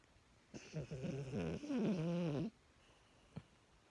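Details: One loud, rattling, tonal snore from a small dog, lasting about two seconds, in a quiet room; louder than a grown man's snoring.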